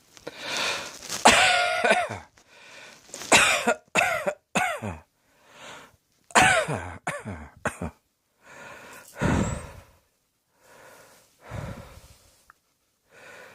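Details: About ten harsh coughs in short bouts, some with a rough voiced edge, separated by quiet breaths.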